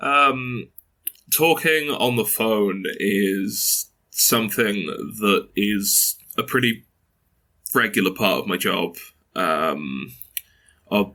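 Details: 22-year-old man who has stuttered since early childhood, mother also stutters, reports blocks and repetitions; stuttering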